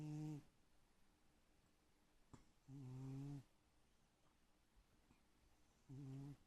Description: My cat, sacked out and snoring...